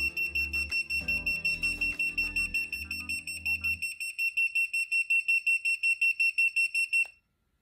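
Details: Home-use picosecond blue laser pen passed over face and neck 4–5 cm from skin: rapid, regular high-pitched beeps, about 160 a minute, marking the pulses; background music fades out midway.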